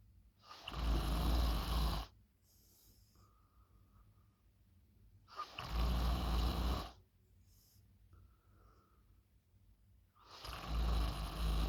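Loud, rough low snores on each breath in, about 12 a minute, with quiet breathing out between them.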